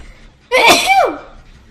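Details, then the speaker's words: A single loud, voiced sneeze with a sharp onset and falling tail, announced beforehand as the person's third sneeze. "Actually, I'm gonna sneeze. Guys, I feel like I'm gonna sneeze for the third time."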